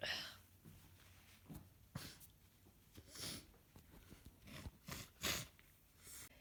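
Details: Congested, snotty head cold of a few days: several short, sharp nasal bursts and wet sniffs in a small room with a stuffy, blocked-nose quality; sneezing and sniffling from a common cold.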